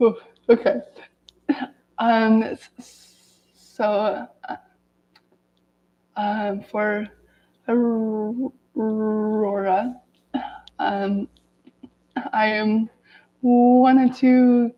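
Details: Adult woman who has stuttered every day of her life, reading aloud from a self-therapy book to demonstrate her stutter; stuttering.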